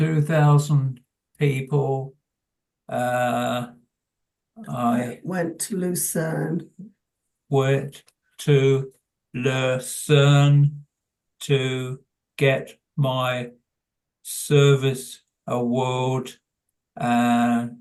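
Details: Adult man with primary progressive aphasia; word-finding difficulty and self-corrections heard; primary progressive aphasia.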